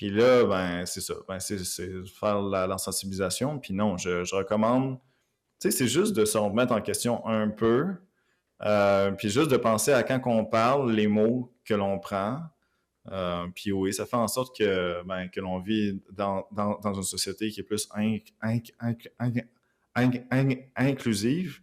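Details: Stuttering in an adult man living with stuttering, speaking French in an interview.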